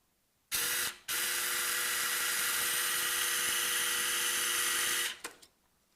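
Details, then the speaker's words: Medial malleolus hook plate fixation, ankle surgery: a K-wire driven up through the most distal portion of the plate, freehand or through a drill guide, for a 4.0 cannulated screw; steady high-pitched motor whine for about four seconds after a brief start; power wire driver. "next step is we're going to throw a kwire um up through the most distal portion of the plate here we can use it freehand or from the beginning using our drill"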